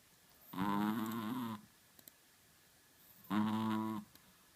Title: Чихуахуа храпит:Chihuahua schnarcht;) Chihuahua snores.